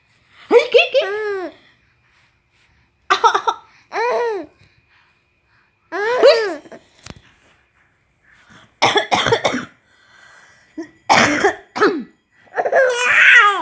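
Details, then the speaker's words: Grandmother coughing in several short bursts while a baby laughs brightly, taking the cough as play, in a quiet room; cough. "Batuk, nenek mah batuk. Batuk bukan bercanda. Bukan ngajak bercanda, batuk nenek mah."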